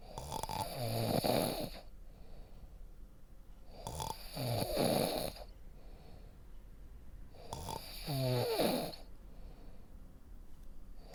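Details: Three slow, rumbling inhalation snores about 3.7 seconds apart, roughly 16 breaths a minute, with quiet exhalations between; ordinary snoring.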